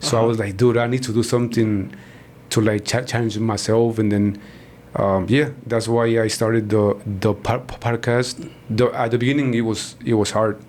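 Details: Man born in Mexico and living in Texas, a self-described person who stutters; stuttering.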